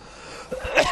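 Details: Adult male political correspondent, live on air during a news broadcast, breaks off mid-answer with a single abrupt, harsh burst of air, a cough; he apologises.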